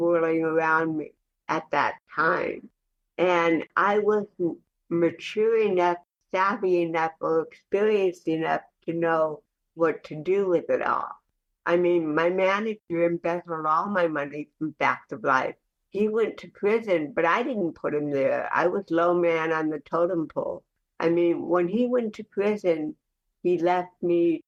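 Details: Dysarthric speech in cerebral palsy, heard in the real conversational speech of an adult woman.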